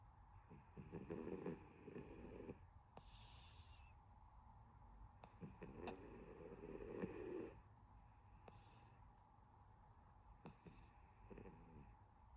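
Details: Sleeping cat snoring: soft, breathy snores with faint fluttering roughly every five seconds under hissy background noise; gentle, harmless snoring.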